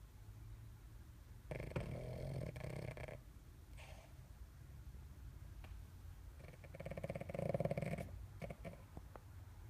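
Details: Snoring during sleep: two longer rumbling, fluttering breaths with low room noise between.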